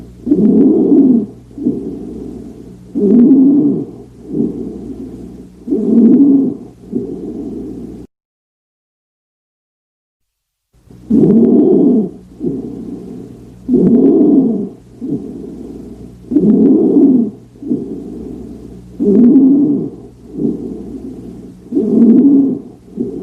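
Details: Inspiratory stridor auscultated over the trachea: loud, harsh musical inspiratory sounds alternating with quieter expirations.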